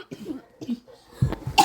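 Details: Soft voices, then a short cough burst near the end from a female during a video game session; cough.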